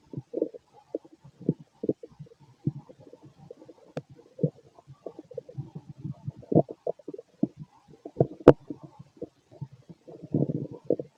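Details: Adult male at night, gassy after eating a lot earlier, stomach recorded as if by auscultation: frequent bubbling gurgles and low rumbles with a few sharper pops; bowel sounds (borborygmi).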